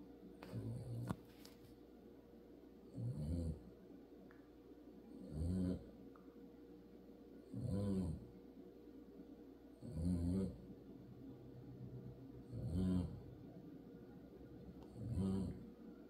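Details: Very loud snoring from a dog asleep in a car seat he uses as a bed: loud, low rumbling snores, six regular breaths over about 16 seconds, roughly 25 a minute.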